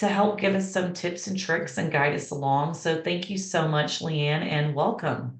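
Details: Adult woman speaking; normal voice.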